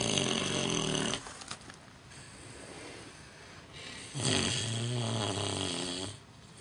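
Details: Micro pig snoring outdoors at night: very loud, rough snoring, two long rattling snores with a quieter breath between them.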